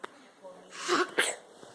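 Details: Young boy sneezing: a soft intake, then two quick, breathy sneeze bursts in a quiet room.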